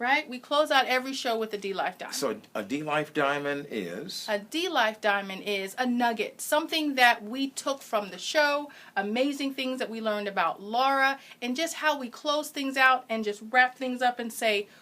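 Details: Adult woman; typical speech.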